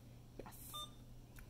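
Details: A few short electronic beeps and key clicks over quiet room hum from an Alaris infusion pump being programmed for a propofol drip in a demonstration without actual propofol; propofol 100 ml selected.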